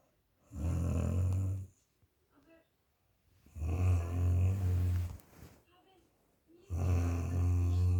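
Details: Very loud snoring from a sleeping woman: deep, rattling snores on each in-breath, three in eight seconds (about 20 a minute), with quiet out-breaths between.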